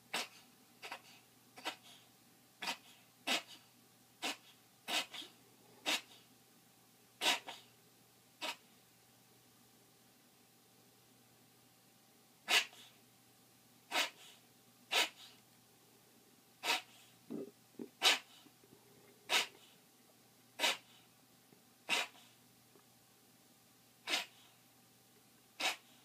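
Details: A dog gives repeated short, sharp coughs in two runs separated by a brief pause.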